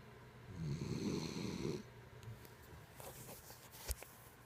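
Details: Dog named Logan snoring in sleep: one loud, rough, rattling snore on an in-breath, then quiet breathing with small clicks.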